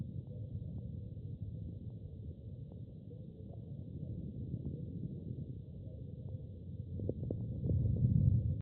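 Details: Human lung recording of pneumonia: crackles, with scattered brief crackling clicks over low breath noise, clustering near the end.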